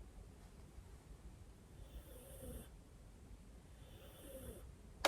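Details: Snoring in the background; faint, soft snoring, two slow breath cycles in a quiet room: snoring.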